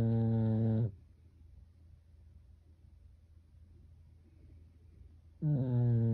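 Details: Pekingese dog snoring: deep rattling snores with a quiet pause of several seconds between them, like a person snoring in deep sleep.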